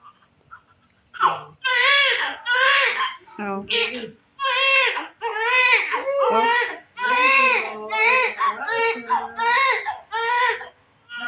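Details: Strong, rhythmic crying in repeated bursts from a baby girl just after normal vaginal delivery, mother's second baby; a vigorous newborn cry.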